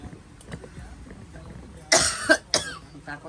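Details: Heavily pregnant woman in late pregnancy coughing hard, reporting blood spotting and stiff abdominal cramps, before going to a health centre; two loud harsh cough bursts after quiet background noise.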